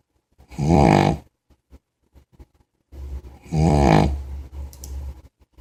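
Two loud, rough, rattling breath sounds a few seconds apart, typical of a sleeping dog's snoring.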